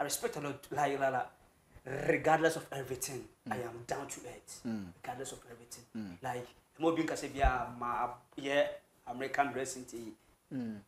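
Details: Adult man who has stammered since birth, with a family history of stammering (grandfather and relatives); describes it as severe, worse on words starting with K or T, and fluent when rapping; stuttering.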